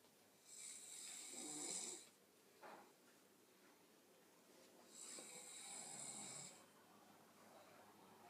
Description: Quick vid of my sister having a good old snore